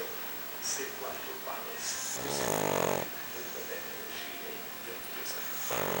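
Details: Sleeping pug snoring: soft snuffling breaths with a loud rattling snore on inhalation, typical of a flat-faced dog.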